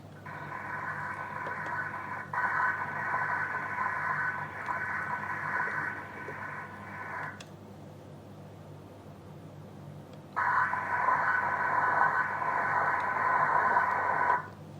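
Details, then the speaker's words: Loud continuous pulsatile whooshing Doppler flow in the brachial artery feeding an arm arteriovenous fistula draining mainly to the basilic vein, at a vascular access ultrasound exam; flow about 1400 mL/min. "the basilic vein now let's measure the flow in the fistula we follow the basilic vein here see the most of the blood will go to the basilica and it's good for the fistula"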